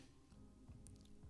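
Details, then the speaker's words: Stomach rumbling (borborygmi) from an adult male streamer during a live digital-painting stream, noticed while he is talking. "don't know if you hear that that's my stomach rumbling"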